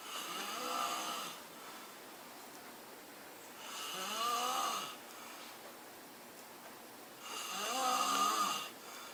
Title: Snoring v.2